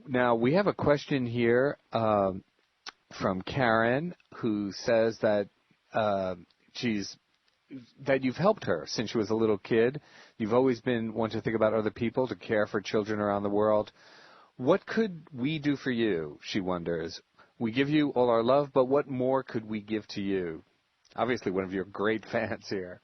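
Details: Adult male speaker; normal speech.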